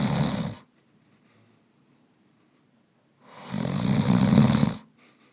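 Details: Adult man sleeping deeply in a real bedroom, binaural recording: soft breathing, occasional snore bursts and room tone.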